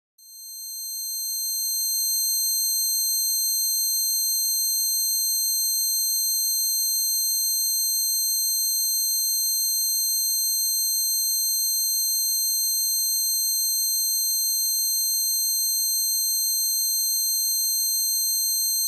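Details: Simulated tinnitus, one person's closest recreation of their own ringing, which began after a concert beside an amplifier: steady high-pitched ringing tones holding unchanged throughout.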